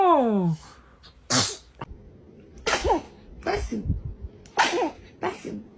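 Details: Baby sneezing repeatedly: a brief infant vocal sound, then a rapid series of about five sharp, hissing sneezes in a sneezing fit.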